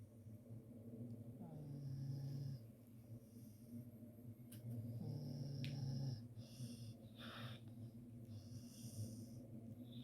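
Loud, low, rumbling inhaled snores, two long cycles, with quieter breathing between; a dog snoring.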